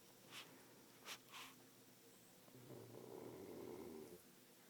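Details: Pug snoring: short snorting nasal bursts, then a low rattling breath sound.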